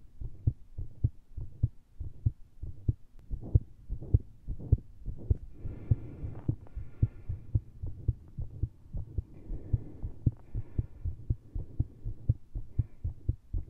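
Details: Heart heard through a stethoscope with a lav mic after heavy caffeine intake, in a recording meant to make the rhythm irregular: rapid, uneven thumps with brief rustling breath or movement noise.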